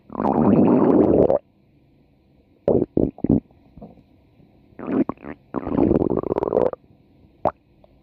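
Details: About four minutes of stomach growling: long gurgling rumbles alternating with short squelchy bursts and quiet gaps; borborygmi (bowel sounds).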